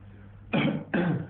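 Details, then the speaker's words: Adult patient asked to cough at the start of a lung auscultation exam: two short, forceful voluntary coughs. "Je vais vous ausculter maintenant. Vous allez tousser, s'il vous plaît."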